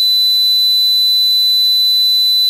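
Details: Simulated tinnitus: a steady, unbroken high-pitched whistle imitating ringing in the ears.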